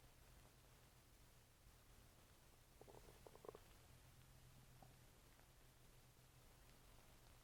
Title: my stomach is making more noises